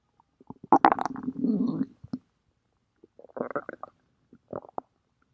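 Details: Umbrella's stomach growling, with short bursts of squeaky gurgling and a drawn-out low groan, then softer gurgles; ordinary bowel sounds.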